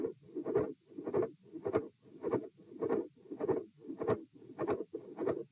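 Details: Repeat auscultation stress test at position E (lying, sitting, standing, then lying again; 78–114 bpm): a midsystolic click and murmur with a fixed split S2.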